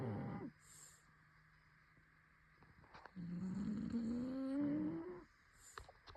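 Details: Shar Pei dog snoring: a loud rattling inhalation with a rising groan-like tone, a quiet gap, then softer snorting breaths.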